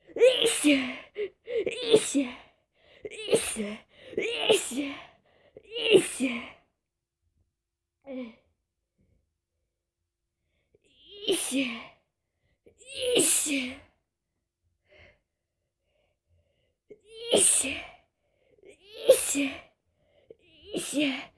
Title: Morning cold sneezes